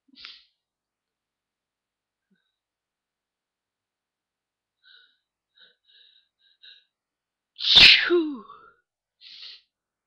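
Quiet sniffs build to one loud explosive sneeze, followed by a softer breath out; a single ordinary sneeze.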